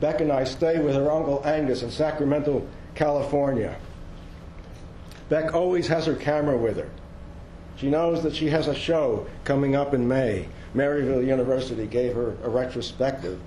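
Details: Adult male narrator; normal speech.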